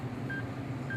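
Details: Two brief steady electronic beeps over a low hum, a HeartSine Samaritan 350P AED alert tone before rhythm analysis, during an AED training demonstration.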